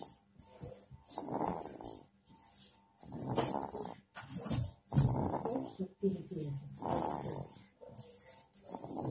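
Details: Baby snoring while asleep.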